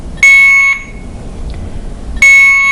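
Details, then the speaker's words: Alaris infusion pump occlusion alarm, pump side ("occluded fluid side, empty container"), from bent tubing stopping fluid flow, simulated for teaching: two loud, steady high-pitched tones about two seconds apart. "let's hit the silence button and read what it's saying occluded fluid side empty container it means it's not getting any fluid"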